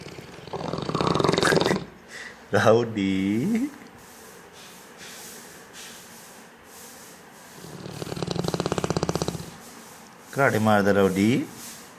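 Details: Sleeping Neapolitan mastiff, said to sleep about 20 hours a day, snoring: rough, vibrating breaths in bursts with pauses between and some room noise.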